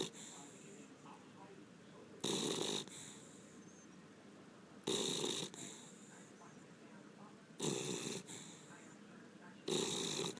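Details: Beagle snoring during a nap: loud, rasping breathing noises about every two to three seconds, with quiet stretches between.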